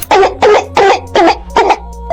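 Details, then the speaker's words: Barking cough, sounding like a small dog's bark, possibly acute pharyngitis with quick onset: five quick, harsh, tight coughs in about two seconds, each with a yelping quality. "犬吠一样咳嗽，咳嗽发出的声音像小狗叫，这种可能是急性咽炎，这个发病时间快，如果伴随这些情况，一定要及时就医。"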